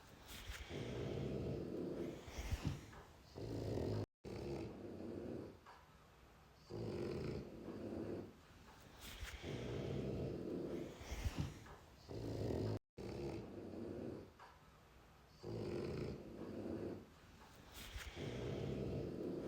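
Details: Sleeping puppy (dog) snoring: rhythmic raspy breaths, roughly 15 a minute, rising and falling through a noisy recording.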